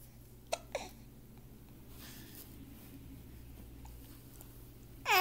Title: MTW - Hiccups - 2/20/2013